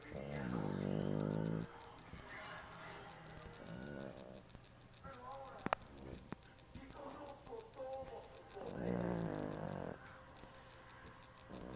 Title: roncando